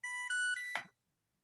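A short electronic alarm: a few steady tones stepping between pitches, then cut off. An insulin pump alerting its wearer.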